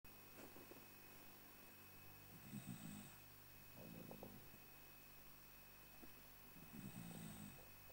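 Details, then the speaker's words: Senior rescue dog snoring: soft, low rattling snores recur about every two seconds against steady room hum. "you awake? You snore too much. That was never on your adoption papers."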